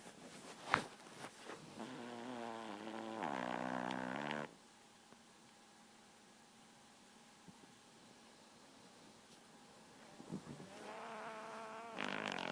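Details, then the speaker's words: Drawn-out, buzzing, surprisingly loud snores with a quiet gap between them, from a sleeping 4-pound Shih Tzu dog. "snoring? You making all that noise, you little tiny dog?"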